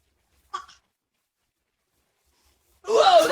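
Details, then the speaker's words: Adult man (a dad) sneezing for giggling babies: a faint brief sound, a pause, then a loud, forceful sneeze burst at the end. "ACHOO! WOAH, THAT WAS HUGE. Need a tissue?"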